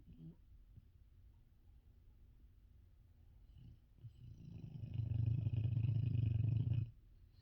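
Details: Female dog snoring loudly right next to the listener's ears: faint breathing builds into a close, deep, fluttering two-second snore rattling rapidly in the throat.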